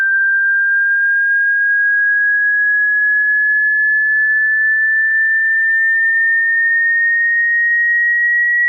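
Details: Hearing test frequency sweep from bass to treble: a single steady pure tone slowly rising in pitch, used to check one's hearing range.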